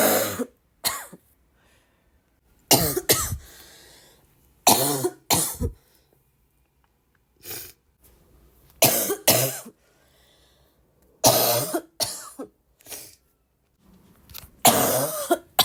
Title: would you like to hear me cough all day?